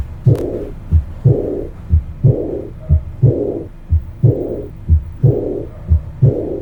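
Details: Regular heartbeat about 60 a minute with a soft blowing, decrescendo diastolic murmur after the second heart sound, heard at the aortic focus: aortic regurgitation.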